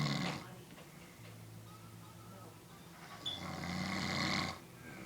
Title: My uncle snoring